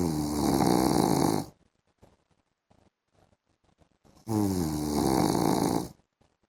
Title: PART 1 MY HUSBAND'S SNORING SOUND IN THE AFTERNOON